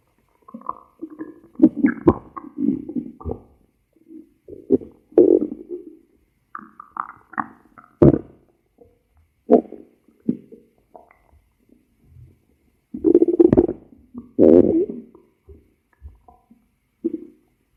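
Irregular gurgling, bubbling rumbles with quiet gaps between them, typical of active bowel sounds. Stomach growling.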